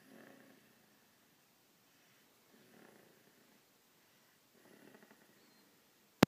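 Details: Max snoring during a nap: three soft, rattling breaths about two seconds apart in a quiet room.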